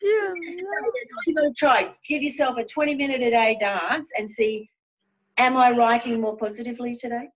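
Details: Adult woman speaking; typical speech.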